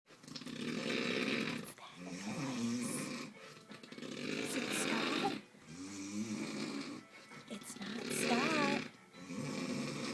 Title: Worst Case Of Snoring The Human SNORLAX!